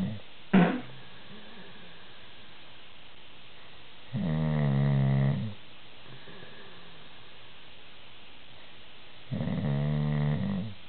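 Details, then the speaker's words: Loud, low rattling snores on breathing in, about 12 breaths a minute, with quiet gaps in an otherwise quiet room; heavy snoring from a person described as a super loud snorer. "Can I show you the video of your super loud snoring?"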